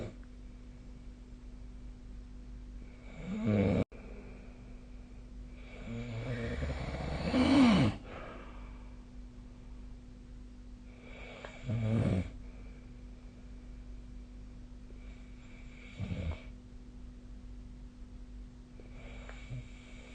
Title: 🐽 いびきの音 / Snoring Sleep Sound 2025/05/16